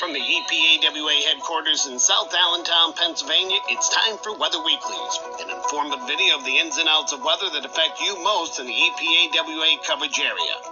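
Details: Adult male announcer; normal voice.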